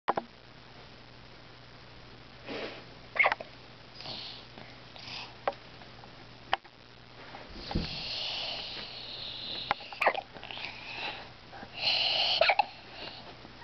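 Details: Brief, sharp clicks and catches at irregular intervals over faint sniffing and room noise: hiccups.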